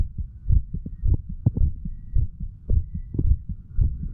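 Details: 35-year-old male, standing, self-recorded through a stethoscope over the mitral, tricuspid, pulmonary and aortic areas and the right ventricle area. Clear, regular lub-dub pairs of roughly 105 per minute. Normal heart sounds.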